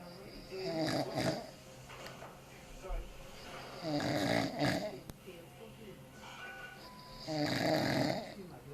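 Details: Snoring from a drunk adult male (dad) after far too much beer: slow, rough snoring breaths at irregular intervals, partly covered by music and background talk.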